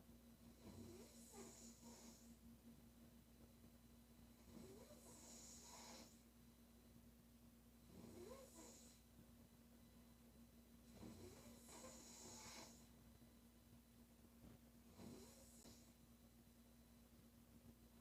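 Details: Girl snoring: loud, regular snoring with a harsh rattle on each breath, about 17 breaths a minute, over a steady electrical hum.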